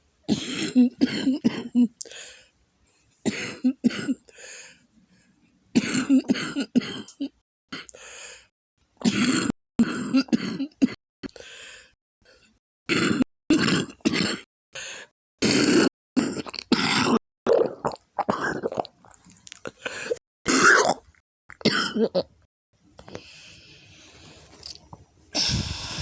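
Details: Adult with a lupus flare, congested lungs, and back and chest pain from coughing to the point of vomiting: repeated harsh, wet coughing fits with throat clearing and graphic mucus; productive cough.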